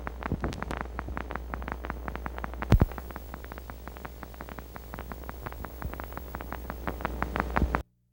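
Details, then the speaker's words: Needle EMG teaching example of fibrillation potentials. Each fibrillation fires regularly, but many firing together at different rates sound irregular. "Another important point to remember is that though each single fibrillation fires at a regular rate, many fibrillations firing at the same time sound like irregular firing because their firing rates are different."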